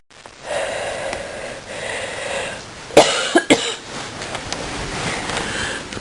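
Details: Two or three short, harsh cough bursts from a person coughing in bed in the morning, with sneezing too, against a steady background hiss; cough.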